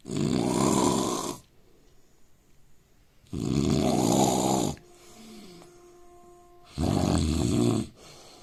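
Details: Loud, rough, rattling snores of an Indian man on three inhaled breaths, each about a second long, separated by quiet pauses; heavy snoring.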